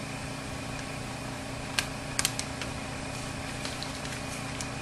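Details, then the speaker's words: Portable suction machine running during tracheostomy suctioning in a nursing demonstration: steady motor hum with a few light clicks of tubing being connected. "you also need to have workable suction either via a wall unit or portable suction i have portable suction today uh you want to turn it on and make sure that it's working correctly"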